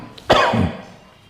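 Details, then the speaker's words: Doctor imitating a patient's rattling cough, chest full of phlegm that feels about to come up but does not; imitated wet (rattling) cough. "বুকে অসম্ভব কাশি ঘর ঘর করছে এবং মনে হচ্ছে যেন কফটা উঠবে কিন্তু উঠছে না।"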